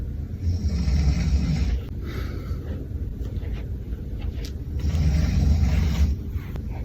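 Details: Low rumbling snores recurring with breathing over a steady background hum from an adult sleeping on a cruise, filmed for a balloon jump-scare prank; snoring.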